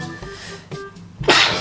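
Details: One loud explosive sneeze near the end, set off by a nasal swab during a Covid-19 nasal swab test, after faint background sounds and a tone.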